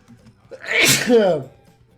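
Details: A single loud, voiced sneeze with a brief intake before it, from a streamer during a live online poker game over faint background music; an ordinary sneeze.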